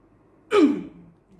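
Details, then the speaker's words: A single forceful breathy huff after three deep breaths and a 3-second hold: a nurse demonstrating effective coughing to a female patient, pushing phlegm toward the larger airways. "Oke jadi sekarang kalau misalkan Ibu mau batuk efektif Ibu lakuin tuh Tarik nafas yang ketiga ya gitu tahan 3 detik kemudian ibu uang tapi uangnya itu sambil kayak kita gede hmm apa gimana ya Bu mau ngeluarin sesuatu di saluran nafas kita ya jadi contohnya seperti ini"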